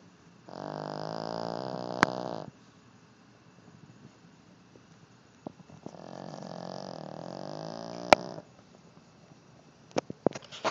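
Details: Two long, buzzing snores with a quiet gap and a few clicks; plain snoring in a deeply sleeping male dog.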